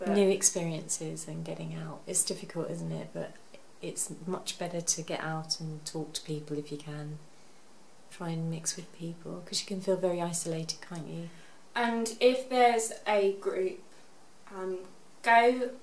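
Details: Adult woman speaking; typical speech.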